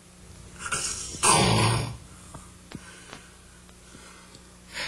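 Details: Loud, rough snort-like snore between soft breaths and a quiet pause during sleep, from a man who has snored lifelong with afternoon sleepiness and is being evaluated at a sleep clinic for suspected obstructive sleep apnea.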